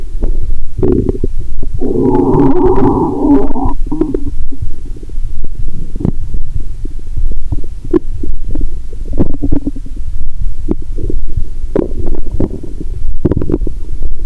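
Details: Stethoscope on the belly while lying down, after drinking cola and swallowing Mentos (not the full 1.5 L finished): loud, muffled gurgles and rumbles over steady stethoscope noise; active bowel sounds.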